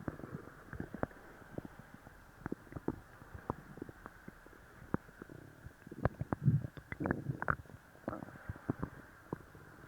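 Irregular gurgles, pops and rumbling bursts from the belly: loud active bowel sounds, stomach growling after a laxative.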